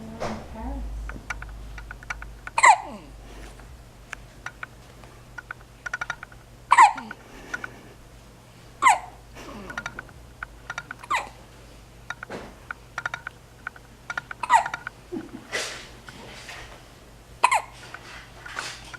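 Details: Baby with hiccups: brief abrupt hiccup sounds about every two seconds, mixed with soft baby vocal sounds.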